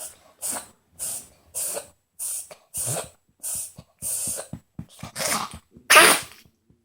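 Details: Dog (Pickle, female) giving a rapid run of about ten harsh, airy coughing hacks ending in louder dry-heaving retches.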